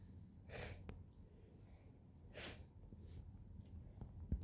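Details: Person sneezing indoors: two short, sharp, hissing sneezes about two seconds apart over a low room rumble.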